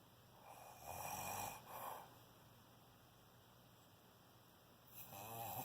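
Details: Person snoring at 4:40 am on the second night of recording: two soft rough snoring breaths near the start and another building at the end, over steady room hum; snoring in sleep.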